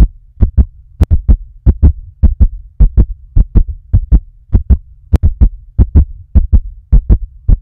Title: POV: you are listening to heartbeat